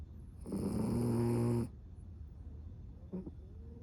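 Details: Cavapoo dog snoring loudly: one loud, buzzing, rattling snore on a breath in, then quiet breathing; ordinary snoring.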